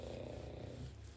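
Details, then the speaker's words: A sleeping dog heard in the background while its owner talks: steady, low, rumbling rattle of breathing over a faint room hum; dog snoring. "can you hear my dog that's some dog snoring yeah it's sweet man it warms my heart"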